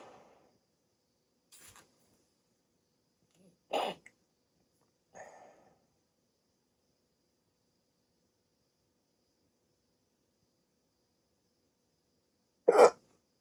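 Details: Adult with sleep apnea, just woken from sleep on CPAP treatment, during a rare 16-minute hiccup attack: short, sharp, irregular gulping bursts separated by long silences, about five in thirteen seconds; hiccups.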